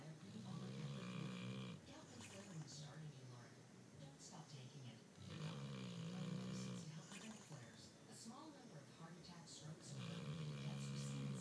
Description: My dog Zoey knows how to sleep. This is just one example of her usual mid-sleep noises.